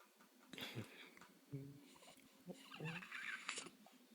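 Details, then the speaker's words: Baby girl, apparently a newborn, waking up grumpy, possibly with gas: several abrupt, jerky gulping sounds about a second apart in a quiet room; hiccups. "work hiccups uhoh oh we have hiccups now you don't like hiccups yeah the hiccups surprise you though to it's pretty rough"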